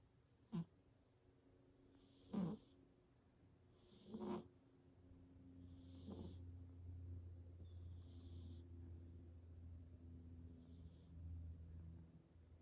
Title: Snoring cat- Stitch